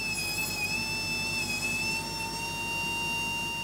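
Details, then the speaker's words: Caspar surgical robot's burr drilling a bone model in place of the surgeon, for prosthesis placement: steady high-pitched whine of the spinning burr. "c'est lui qui va creuser l'os à la place du chirurgien et vous allez voir avec quelle dextérité voici la fraise de caspar en pleine action sur une maquette dos"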